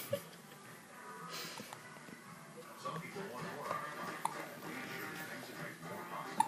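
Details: Child with hiccups: three abrupt, sharp gulping sounds a few seconds apart, with a television advertisement playing in the room.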